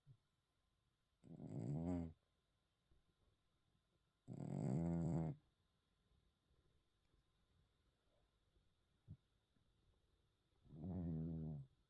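Three slow, low rumbling snores in a quiet room, about 5 breaths a minute, from a sleeping cat.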